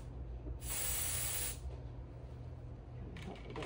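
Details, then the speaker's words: One-second aerosol hiss over quiet room noise: cold spray freezing the skin at the marked knee injection site just before a PRP injection into the knee joint of a patient with knee injuries and arthritis-related joint-space narrowing. "Okay, this is cold spray. This kind of freezes the skin a little bit"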